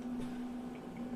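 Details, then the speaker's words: Bubble humidifier on a home oxygen concentrator, rated 2–12 L with 6 psi pressure relief, outlet plugged to test: quiet, steady high-pitched whistle from the relief valve, showing the unit holds pressure. "a high-pitched squeal. That means we got pressure."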